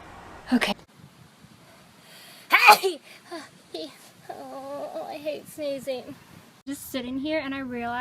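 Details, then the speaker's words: Person sneezing repeatedly and saying they can't stop: two sharp, explosive sneezes followed by brief chatter and laughter in a quiet room. "Oh, no. I need to sneeze. That's [Applause] whoa. I can't stop."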